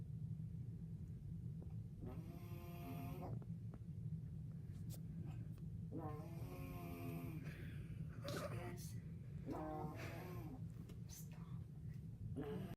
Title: My mom snoring REALY REALY BAD!😂😂😂😂🐘